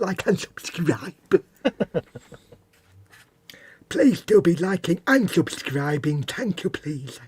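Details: Host deliberately imitating a lateral lisp, with air escaping from both sides of the mouth, in a joking bit; not a real disorder; lateral lisp (imitated).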